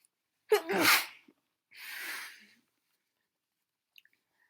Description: Exactly what it says on the tin. These were SO snotty.